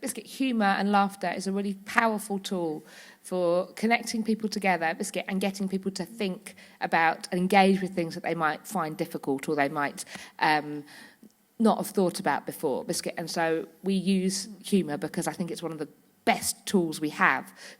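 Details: Woman with Tourette syndrome whose vocal tics, repeated "biscuit", "hedgehog" and "cats", interject her speech; several times daily tics intensify to loss of body and speech control; Tourette syndrome vocal tics.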